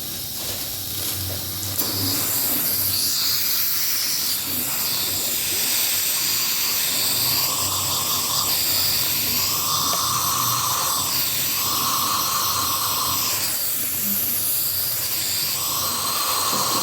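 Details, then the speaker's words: Acted ASMR dental role-play before numbing injections for periodontal deep cleaning: steady hissing saliva suction with bursts of gurgling slurp as the tip moves in the mouth while gauze with topical gel is held. "all right and you're just going to hold it there for about 2 minutes okay yep I'm going to go ahead and section for you"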